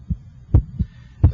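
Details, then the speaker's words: Electronic stethoscope over the PMI at the cardiac apex, timed with the radial pulse: low thumps in lub-dub pairs, first heart sound with the pulse: normal first and second heart sounds. "I can hear your first heart sound and I can hear the second heart"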